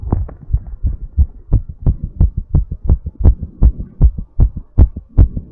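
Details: Fast, steady heart thumps at roughly 160 a minute during recovery after exercise, with breathplay, after drinking an energy drink beforehand; rapid heartbeat.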